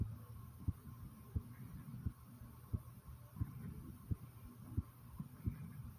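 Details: Steady low thumps at about 90 a minute over a soft background hum, with faint gurgling stomach noises at the same time; a normal heartbeat.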